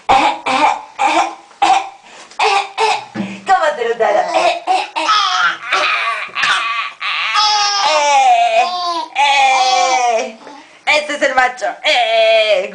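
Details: An infant laughing and coughing after a bath, short coughs mixed with giggles and vocal squeals in a small room: cough.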